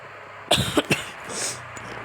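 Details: Three short, sharp coughs in quick succession with faint room noise, from a speaker who apologizes for a weak voice while coughing during game commentary.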